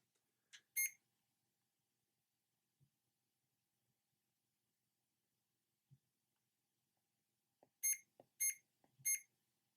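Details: Short high beeps, one then three more, with faint button clicks as the keypad of a CADD Legacy PCA infusion pump is pressed to unlock it by entering a code.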